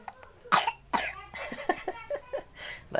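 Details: Toddler with a cough that the caregiver says comes at night: two sharp coughs, followed by soft vocal sounds and breathing.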